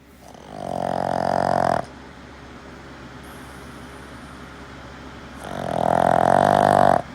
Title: Loudest snoring ever! #bostonterrier #snoring #dogs